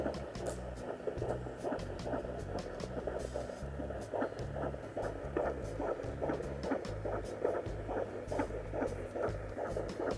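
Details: Fetal heartbeat at 19 weeks of pregnancy: rapid rhythmic whooshing pulses, about 143 beats per minute, within the normal range.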